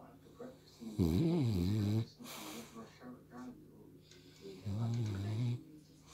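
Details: French bulldog asleep on a lap with eyes open, dreaming: loud, low rattling snores alternating with quieter breathing and faint dream noises; snoring.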